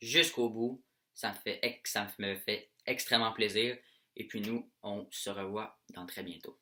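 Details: French-speaking male who has stuttered throughout childhood; stuttering appears with anxiety, excitement and stress, and he deliberately ignores it while filming: stuttering.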